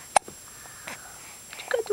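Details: Almost 3-month-old baby boy with hiccups: a single sharp hiccup-like catch, then faint breathing and soft vocal sounds in a quiet room.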